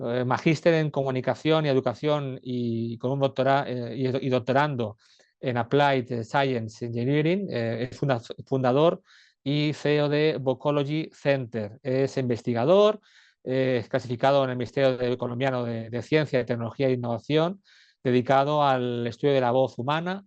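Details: Adult male speaker; normal speech.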